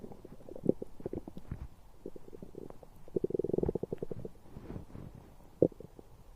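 Bubbling, gurgling rumbles with a few louder squelches, typical of ordinary active bowel sounds.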